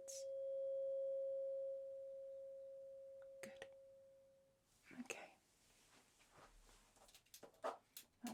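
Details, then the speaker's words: Weber test in a simulated ASMR cranial nerve exam: a tuning fork placed on the centre of the head, patient asked whether it sounds equal on both sides. A steady, pure hum fades over about four seconds, followed by handling taps. "and this is the tuning fork which I'm going to be popping on to the center of your head okay and I want you to tell me if you can hear it sound and if it sounds equal on both sides"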